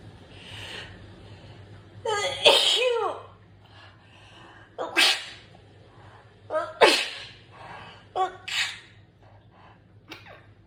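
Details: Sneezing attack with nose blowing and some coughing: a run of about five sharp, explosive sneezes a few seconds apart over ten seconds; sneezing fit.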